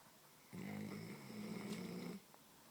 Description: My dog snores too much